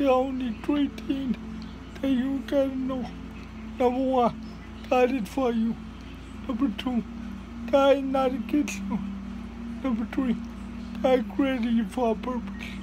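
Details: Dysarthria in a speaker with cerebral palsy giving a motivational talk.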